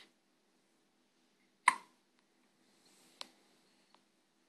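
One sharp, abrupt hiccup is followed by a softer second one, in a quiet room. These are ordinary hiccups.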